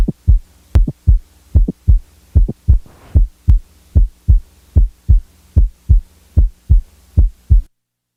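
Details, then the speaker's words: Stethoscope, regular heartbeat near 75 per minute with a sharp, high-frequency extra click in mid-systole; mid-systolic click. "the next example is that of a normal 20 year old female with a typical mid-systolic click"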